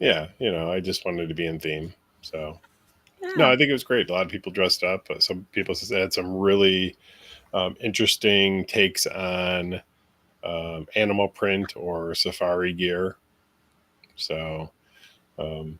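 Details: Adult male speaker; normal conversational speech.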